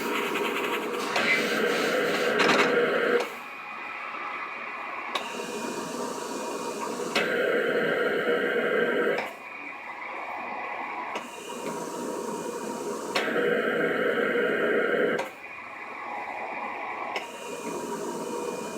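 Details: A mechanical cough assist device in operation: rhythmic machine whooshing, with longer louder airflow phases alternating with shorter quieter ones.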